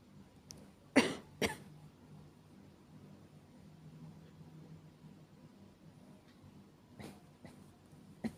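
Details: Simulated (fully acted) nighttime cough of a girlfriend who can't stop coughing at night: two sharp coughs, then quiet breathing and a few softer coughs.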